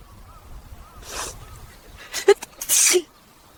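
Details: AI-generated (Sora2) simulated sneeze: a brief inhalation, then sharp noisy bursts ending in one loud explosive sneeze over faint background noise.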